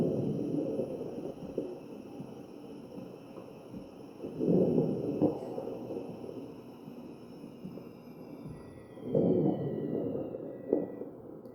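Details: Crackles in a real ventilated patient, chest auscultation recorded with an AccurSound electronic stethoscope.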